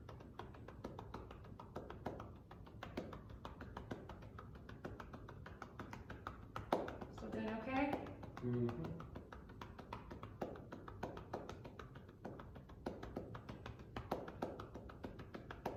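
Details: Demonstration of manual chest percussion with cupped hands for postural drainage of the left lower lobe posterior segment, patient prone on a table with a pillow under the chest: rapid, steady hollow clapping with brief speech midway, shown for 90 seconds.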